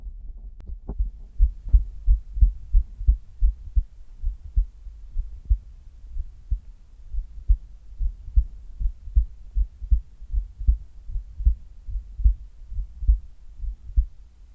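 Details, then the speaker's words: Heartbeat recorded while the person does sit-ups (abdominal crunches), after a resting recording: rapid, strong low thumps, roughly 90 beats a minute, with rubbing movement noise; fast heartbeat during exercise. "今日は腹筋をしている時の心音を取っていきたいと思います。"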